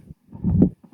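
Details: Severe mitral stenosis with atrial fibrillation: low-pitched heart sounds with a rumbling diastolic murmur that loses its presystolic intensity increase.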